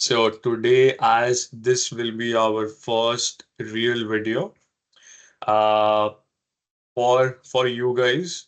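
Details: Adult man who has stammered since early life, persisting into adulthood, in casual conversation; stuttering.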